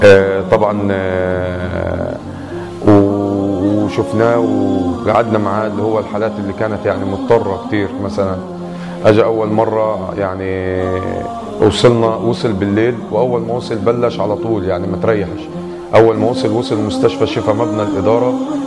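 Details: Adult man speaking Arabic; typical adult speech.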